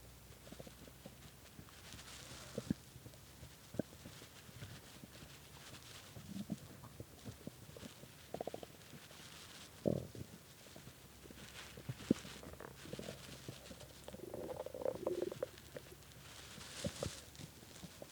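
Irregular gurgles, squeaks and rumbles from the belly, louder near the end; stomach growling from hunger.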